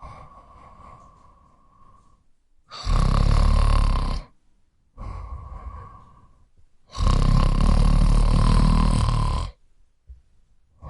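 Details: Adult male: loud, rough, rattling snores on each in-breath alternate with softer breathy out-breaths, about 14 breaths a minute; snoring.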